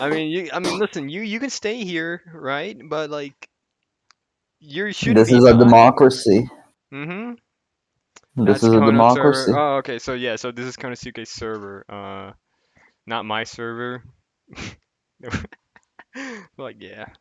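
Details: Adult conversational speech, possibly more than one speaker; typical speech.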